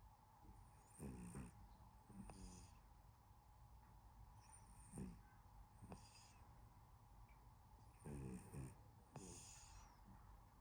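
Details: Sleeping cat snoring: faint, gentle snuffling snores with each breath over a steady background hum; harmless sleep snoring.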